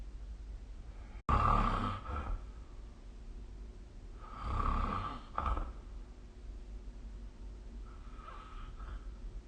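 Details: Snoring recorded with a smartphone snore-recording app: three rough, rumbling snores recur with each breath in, about 19 a minute, in a quiet room.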